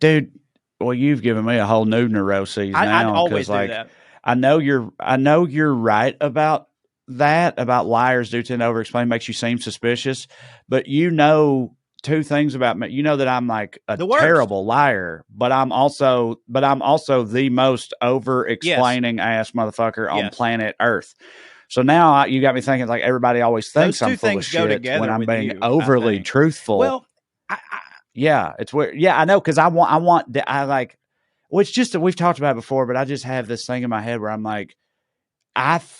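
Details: Adult male speaker; normal conversational speech.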